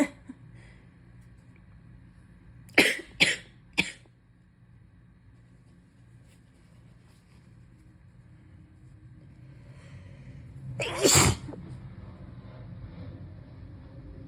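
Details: Three quick cough bursts, then after a pause a louder explosive sneeze-like burst, from a person who is still feverish, croaky and congested, in a long coughing and sneezing fit during an illness.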